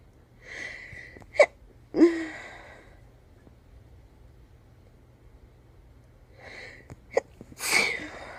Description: Woke up with a tickle and decided to induce it out. Just a small fit for the first time.